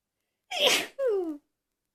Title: achoo :) (sneezes and stifles)